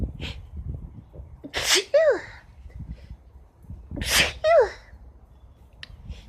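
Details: Two forceful sneezes, each a sharp explosive burst followed by a voiced falling sound, with a quieter breath between, after painting in a bathroom on a hot spring day with irritated, teary eyes.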